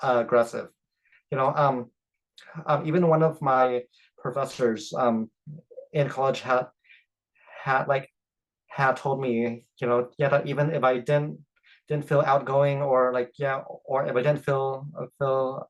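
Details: Adult man who stutters and is open about it at work; part-word repetitions and interjections are heard; stuttering.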